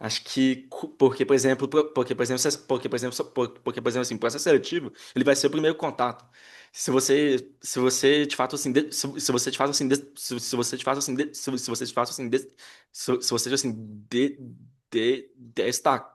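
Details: Adult Brazilian Portuguese-speaking man who stutters and has had speech therapy and psychotherapy since childhood, in a real interview: stuttering.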